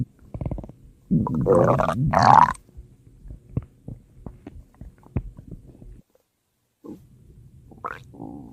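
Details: Ordinary stomach growling (borborygmi): a loud gurgling growl with a rising squeal, then quieter bubbling pops and a final brief gurgle.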